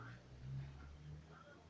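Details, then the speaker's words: Cat snoring: snoring sounds from a sleeping cat, described as sounding half-human, with attention drawn to its nose. "Ini guys, kucing sedang ngorok. Dengerin dah, nih dengerin. Kucingnya ngorok."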